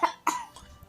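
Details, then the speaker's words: Two short, light dry cough bursts from a young child imitating a cough on request, copying the mother; a play cough, not illness. "Dedek, batuk, belajar batuk."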